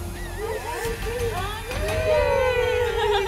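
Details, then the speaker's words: Newborn puppy just delivered in a vet clinic, after tense waiting for signs of life: thin, high, wavering squeals and mewing cries. The strong cry shows the puppy is alive and breathing. "oh that sound is so incredible a newborn puppy's cry is so precious we never get tired of it and importantly it tells us these puppies are going to be okay"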